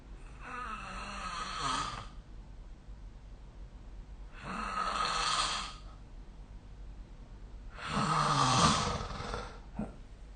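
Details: Snoring recorded during sleep with the SnoreLab app: three loud, rattling snores on the in-breath, about 18 a minute, separated by quiet pauses.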